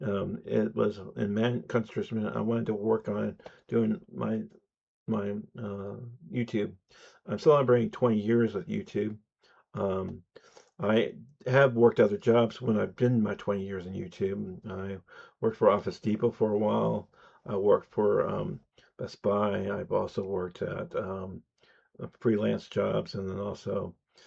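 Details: Adult man who says he has an audible speech impediment; speech impediment.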